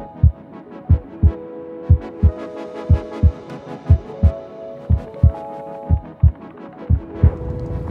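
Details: Heartbeat recorded with an Eko CORE 500 digital stethoscope: regular paired low lub-dub thumps at about 60 beats a minute, with a faint steady hum behind.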